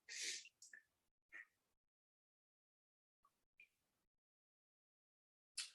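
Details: A quiet run of short sneezes and snorting breaths in quick succession from an adult smoker: an allergic sneezing fit. The person suspects the smoked strain's terpenes or possibly pesticides.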